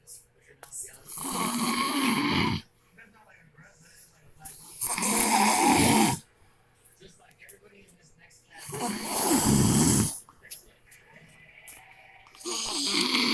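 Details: Adult man (husband), very loud habitual snorer: loud, harsh snores about 16 a minute, each a long rattling in-breath followed by quiet out-breaths; heavy snoring.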